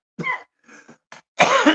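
An adult gives a short run of three or four dry coughs and throat-clearing sounds, ending in a louder, harsher burst. A plain spontaneous cough.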